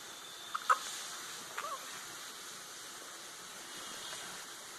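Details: Hiccups in a one-month-old baby: two brief, soft, squeaky hiccup sounds over steady background hiss.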